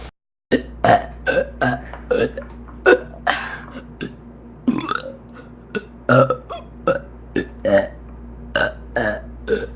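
A long run of about twenty loud, voiced burps in quick succession over ten seconds; repeated belching.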